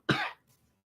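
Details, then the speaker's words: An adult man gives a single short, harsh dry cough with no rattle or phlegm; he reports feeling unwell, with a migraine and stomach issues. "so I'm dealing with this if you can hear I have this dry cough for some reason"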